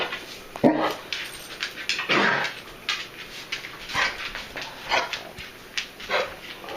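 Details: Three dogs with kennel cough at different stages, on day 4 of doxycycline and a cough suppressant, sometimes bringing up clear phlegm: repeated short, harsh hacking coughs.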